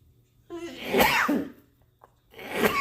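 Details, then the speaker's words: A nasal person recovering from a cold-like illness, with a dog nearby, takes a voiced intake that builds into a loud explosive sneeze, then a second sneeze begins: a sneezing attack. "still nasal still sneezing the dog's under the table right next to me and I'm gonna have a sneezing attack in a minute so I gotta go"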